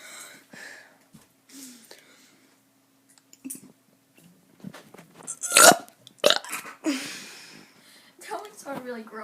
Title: Kid doing burps 5